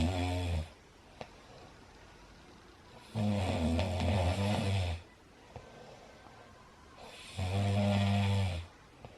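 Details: Adult man (husband) snoring loudly during a daytime nap while a Bengal cat on its first day in a new home tries to sleep: loud, buzzing snores on each breath in, about 14 a minute, quieter breathing between.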